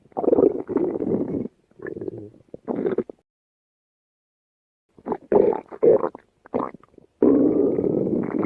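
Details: Stomach growling (borborygmi): low rumbling, gurgling bursts with a pause in the middle, then a longer rising growl; normal bowel sounds.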